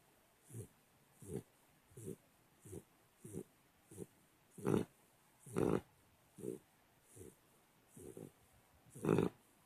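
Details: Pit bull snoring while sleeping: rhythmic low, grunting snorts repeating about every 0.7 seconds, some louder and harsher than others.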